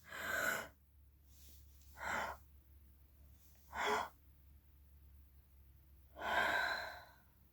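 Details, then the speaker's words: Person with ALS doing breath stacking to open lungs and strengthen forced cough against choking: several audible effortful breaths with pauses; breath stacking exercise. "but by doing these exercises opening up my lungs a little bit more giving more of a forceful cough so to do the stack breathing"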